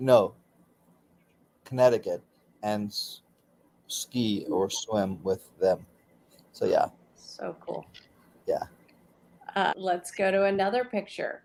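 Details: Aphasia in a man about 16 years after a stroke during surgery that affected his right arm and leg; he continues daily speech therapy.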